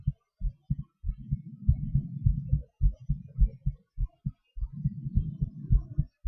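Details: Person's own heartbeat recorded during breath-holds, panting and hyperventilation: deep, regular thumps at about 100 per minute, partly blurred by low rumbling; normal heart sounds with heart rate changes.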